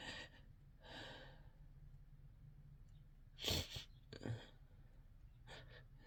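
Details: Sneezing induced by chhinkni sneezing powder: quiet heavy breaths, then two harsh, desperate sneezes close together; induced sneezing.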